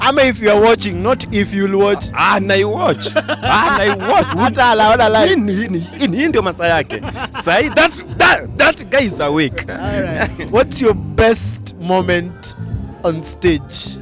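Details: Adult male interviewer; Normal speech.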